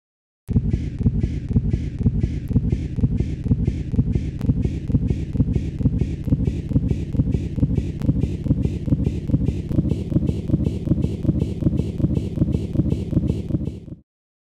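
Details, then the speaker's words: Fetal Doppler in occult umbilical cord prolapse: rapid whooshing fetal heartbeat about 150–160 a minute, with a deceleration from cord compression that recovers once the uterus relaxes between contractions and blood flow to the fetus is restored. "when the uterus relaxes between contractions umbilical cord compression is relieved and blood flow to the fetus is restored with the return of normal blood flow to the fetus the deceleration resolves and heart rate returns to normal"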